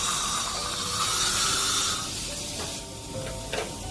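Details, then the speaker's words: Dental air-water syringe washing and drying margins of prepared central incisor abutments 11 and 21 before intraoral scanning for zirconia crowns: loud hissing spray for about two seconds, then softer hiss with faint clicks. "because of bleeding on number 21 I couldn't get the margin properly so I do a wash and dry down"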